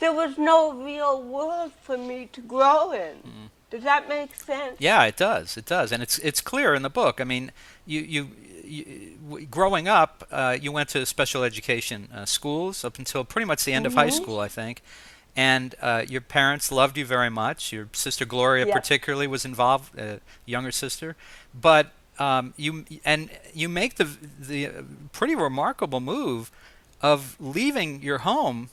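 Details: Adult male interviewer, with a brief second voice at the start; typical speech.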